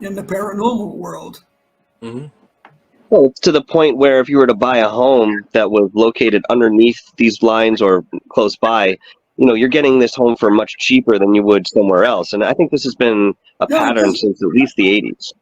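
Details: Adult male speaker; Normal speech.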